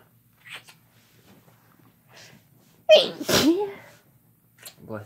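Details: A sharp, forceful sneeze preceded by quiet breaths, with brief speech afterward ("bless you"), one of a run of sneezes during a sneezing fit while a woman and man kiss.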